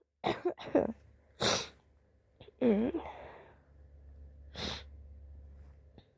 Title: Cute sick sneezes (have the flu AND am living off grid in a tent haha)